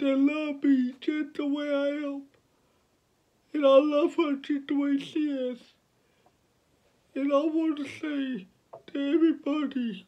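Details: 29-year-old man with cerebral palsy from birth, born at five months (premature), speaking about his own life; dysarthric speech in cerebral palsy.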